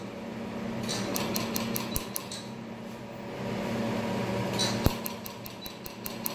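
Quick sharp clicking pulses in short bursts from a tattoo-removal laser, over a steady fan-like room hum.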